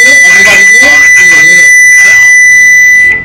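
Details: Demonstration of adult BLS with AED for out-of-hospital arrest: unresponsive man, no pulse, no breathing, CPR given, then a steady high-pitched AED alarm over a spoken prompt warns rescuers to stand clear before the shock is delivered.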